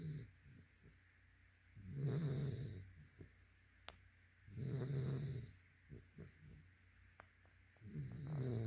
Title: Yellow | White Labrador Snoring.